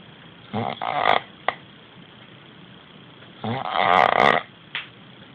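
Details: Sleeping man whose friend says something is wrong with his sleep, sounding as if choking: two loud, harsh, fluttering snores with a snort between, each breaking off abruptly; heavy snoring.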